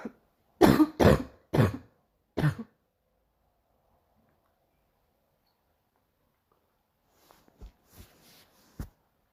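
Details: Morning coughing fit: a burst of four harsh coughs, then a pause and a few fainter coughs.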